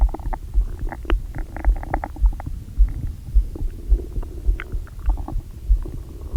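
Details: Low gurgling, bubbling rumbles with soft thumps and squelches, recorded close to the belly by mic right after eating brunch quickly following a long fast; active bowel sounds, borborygmi, with aching tummy.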